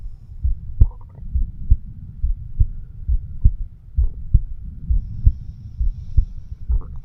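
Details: 36-year-old man recording his own heart with a homemade microphone stethoscope, said to be over the bicuspid (mitral) valve, left ventricle; steady, regular low thumps about 67 a minute over faint rumble: normal heart sounds.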